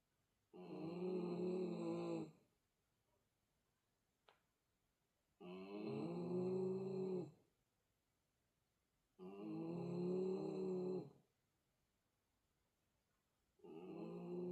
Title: Small Dog Snoring Like A Truck!!! #snoringdog